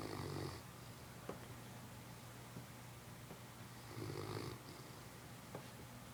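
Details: Sleeping Newfoundland dog: two low, rumbling snores about four seconds apart over a steady hum of room noise; snoring.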